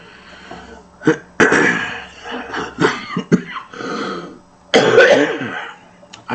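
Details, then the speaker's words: Adult man, who says you can hear him wheezing, coughs and clears his throat repeatedly, with noisy, rough breathing between the bursts: cough with wheeze. "understand you can hear me wheezing"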